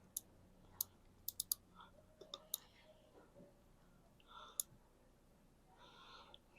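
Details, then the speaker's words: Sharp quick metallic clicks with faint murmuring: dental ratchet driver turning a mono implant into the tooth 27 extraction site after motor placement to 60 Ncm, live surgery. "Now, let's take this off. And there's the implant in place. Let me just have the ratchet. Here's our ratchet"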